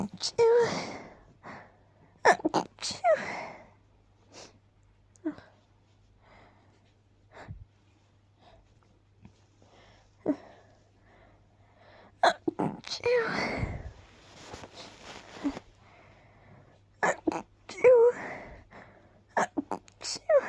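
A run of several stifled sneezes, each a quick intake followed by a muffled, clipped "choo" burst, in a quiet room.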